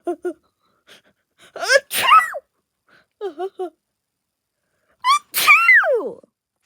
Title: Dad’s sick because he keeps sneezing a lot